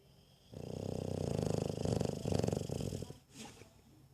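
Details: Dog named in caption snores while awake: a single low, rattling, snore-like breath lasting about three seconds; snoring.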